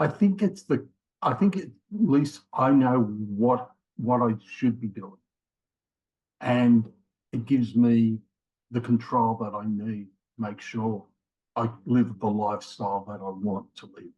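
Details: Man in his late 50s with mild aphasia after a left-sided ischemic stroke in January 2020, with trouble both finding words and getting them started; also prior heart attacks and rheumatoid arthritis; aphasia.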